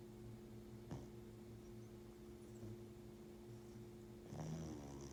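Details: Shop cat snoring loudly like a freight train while sleeping with his eyes open.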